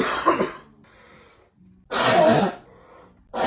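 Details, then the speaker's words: Three harsh, forceful coughs separated by quiet pauses, from an adult who is ill after a night at a club and has a squeaky voice: cough. "I sit down here with a Halls Relief cough drop package because I'm currently ill from the club last Saturday."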